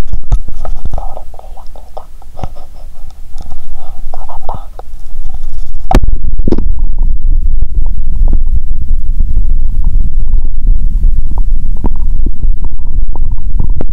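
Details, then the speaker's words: Belly of a woman fasting over 15 hours, before drinking cola, in a playful "hungry illness" skit. Loud, continuous low gurgling and rumbling with frequent irregular clicks of a hungry stomach. Normal bowel sounds. "(👩) "Doctor, is my stomach noisy because of my illness?" (Doctor👨‍⚕️) "Let's hear the sound of the stomach!". (Doctor👨‍⚕️) "This is a hungry illness!"."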